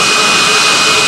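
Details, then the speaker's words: Steady high-pitched whine of a dental drill running throughout a medium-sized dental filling done under hypnotic anaesthesia instead of local anaesthetic, while hypnotic suggestions are given; dental drill. "I turn it a d down and it would be gone yeah and a couple of seconds later the drill would be gone anyway"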